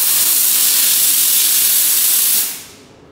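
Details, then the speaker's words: Loud continuous steam hiss for about two and a half seconds, fading as spray stops: desktop dental/jewelry steam cleaner (5–6 bar) spraying from the handheld wand to clean an earring until the steam is exhausted. "we can clean you can continue to spray until the steam go exhaust out"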